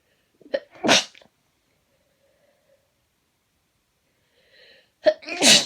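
Two explosive sneezes, each with a short in-breath before the burst, separated by silence.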